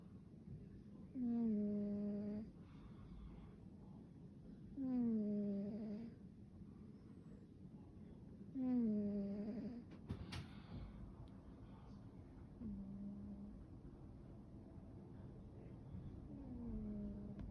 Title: This blue Russian is like a velveteen cat #cat #russianblue #funny #snore #foster